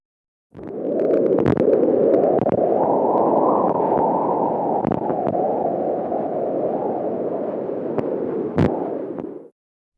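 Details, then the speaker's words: Fetal Doppler (BabyBeat) in pregnancy: steady rushing wind-like whoosh with occasional sharp clicks, placental sounds often said to sound like the wind in the trees. "placental sounds often said to sound like the wind in the trees"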